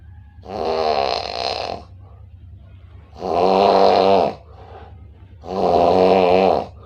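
Three loud, long, voiced snoring breaths at about 26 per minute, each a rough drawn-out groan with quiet gaps between.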